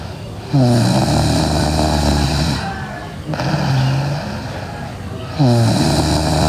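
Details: Sleeping girl with loud, low, rattling snores on each breath in, about three in several seconds: heavy snoring.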